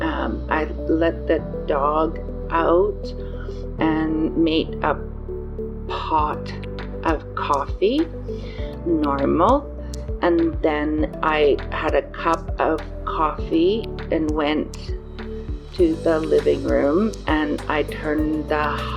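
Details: 54-year-old woman with post-stroke aphasia, with word-finding difficulty and errors with small words and pronouns; aphasia.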